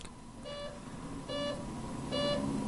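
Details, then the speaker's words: Life Pulse ventilator just switched on, entering standby mode: three short, evenly spaced electronic beeps over low room hum, the audible standby alarm. Ventilator standby alarm. "when the on button is pressed the life pulse will activate into the standby mode with an audible alarm sounding"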